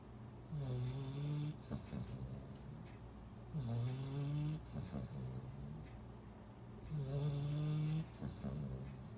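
Three low, tonal, drawn-out snores with softer snuffling between, about 20 breaths a minute: snoring in a sleeping puppy.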